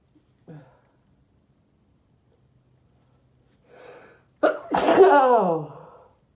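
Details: Adult male sneezing after using a strong irritant, with a burning nose: a faint sniff and a short inhaled build-up, then one loud, forceful sneeze.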